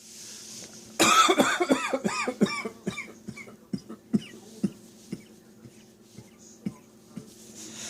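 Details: Adult hanging out washing to dry has a sudden tickly-throat coughing fit of about a dozen dry, throaty coughs that gradually fade.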